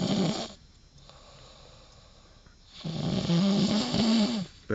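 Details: Loud, rough snoring with a growly, tonal rattle on each breath and quieter breathing between snores, from a sleeper described as having drunk too much agave liquor (sound resembles a sleeping dog).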